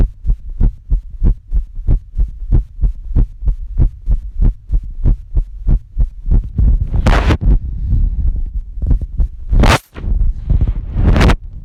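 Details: Adult's own heartbeat recorded on the chest with a phone app: steady, dull thumps later covered by rubbing and handling noise; partner reports it doesn't always sound normal, which is unconfirmed.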